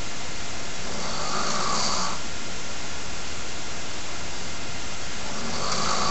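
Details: Sleeping man snoring at bedtime: continuous low, rough rumbling with periodic louder, noisy swells.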